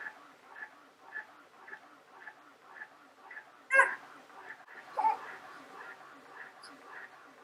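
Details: Medela Advanced InStyle electric breast pump in use while expressing milk: soft rhythmic mechanical whooshing suction pulses, about 47 a minute, with a couple of louder handling knocks.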